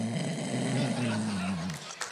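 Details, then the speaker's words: Simulated snoring: a comedian on stage does an impression meant to be sleep apnea, but it comes out as ordinary snoring, and the audience claps too early. "Wait. That's just snoring. That was just snoring."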